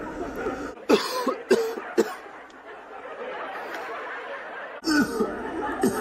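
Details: Adult state governor at a press conference gives two bursts of short, dry coughs, about five or six in all, over room murmur: cough.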